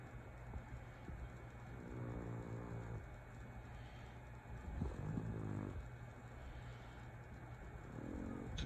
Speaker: That's the snoring cat.